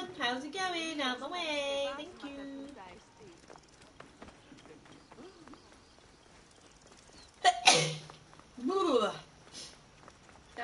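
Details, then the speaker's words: Woman streaming on Twitch, singing amid game sounds, gives one sudden loud sneeze followed by a brief voiced exclamation; she remarks it was a good sneeze. "wow that was a good sneeze I love sneezing is one of my favorite things to do"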